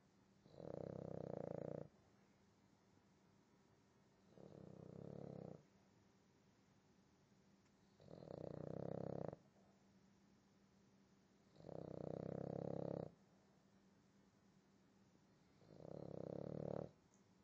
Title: Boston Terrier - Akuma snoring